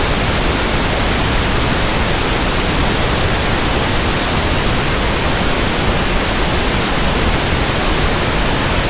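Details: Simulated, generated pink noise for tinnitus sound matching and frequency testing: a steady, even rushing static with no breaks, for comparing with persistent tinnitus.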